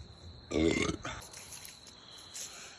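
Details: One loud, low, rumbling belch about half a second long, recorded outdoors with insect noise behind; a deliberate burp by a man.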